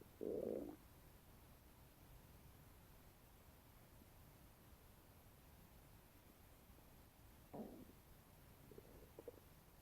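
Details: Abdomen after eating a bagel: a loud gurgling rumble at the start, then quieter bubbling gurgles over a steady low hiss; ordinary bowel sounds (borborygmi).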